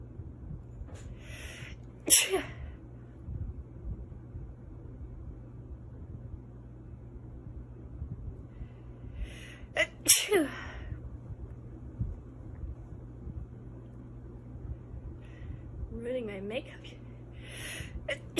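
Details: Two stifled sneezes from a woman, sharp suppressed bursts about eight seconds apart, with soft breathy sounds around them.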